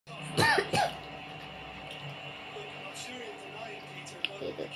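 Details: Adult coughing from the spiciness of jengkol balado: two short, harsh coughs close together near the start, then a quiet room with a steady low hum and faint background sounds.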